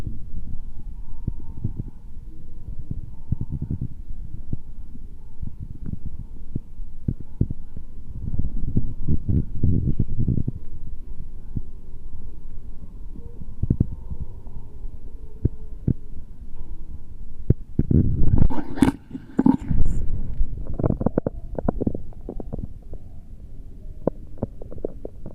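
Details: Low, irregular rumbling with soft thumps and a brief louder gurgle, typical of normal bowel sounds (stomach rumbling), in a recording of stomach and heartbeat sounds.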